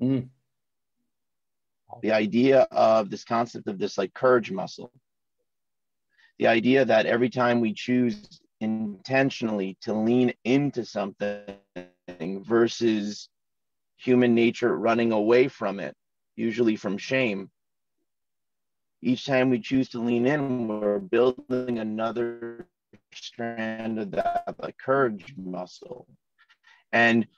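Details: Man in his 40s who has stuttered since childhood, in natural conversation: stuttering.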